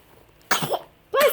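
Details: Four-month-old baby sneezing: two short, sudden bursts of air, a sneeze followed by a second one.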